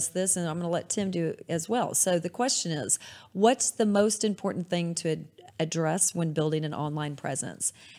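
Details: Adult woman; normal speech.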